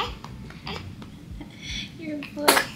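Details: Newborn girl, born after induction at 39 weeks, being dressed after a feed: a brief sharp sneeze near the end amid soft handling noise and faint voices, followed by "bless you."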